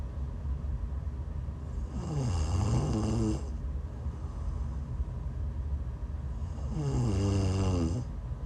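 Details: Woman snoring while sick during a live sleep stream: two slow rattling breaths with a low fluttering tone, several seconds apart, over steady background noise.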